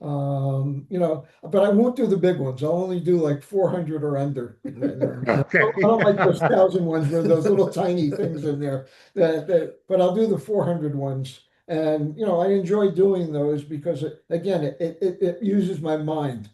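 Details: Aphasia after stroke in an adult male survivor (older father of an adult son).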